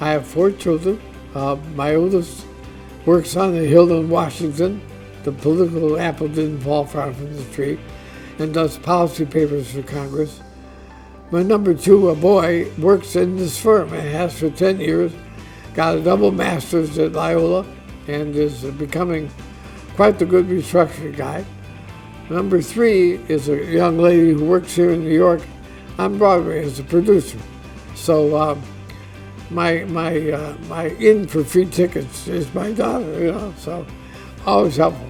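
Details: Adult man diagnosed with ALS (Lou Gehrig's disease), which he says is affecting his voice; he expects only a few more months of being able to work; dysarthria (ALS).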